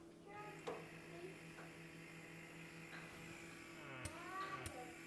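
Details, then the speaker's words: An electric baby nasal aspirator runs with a steady low motor hum and a few light clicks, stepped from its first suction level up to its highest, which is described as pretty strong. "that's just the first section and then this is the highest section function you can see that's pretty strong right there"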